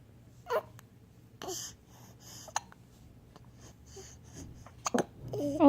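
Several brief, abrupt catching sounds at irregular intervals in a quiet room: hiccups.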